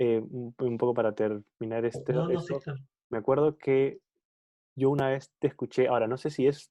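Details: Spanish-speaking person who stutters, in a conversation between two people who stutter about stuttering variability; stuttering.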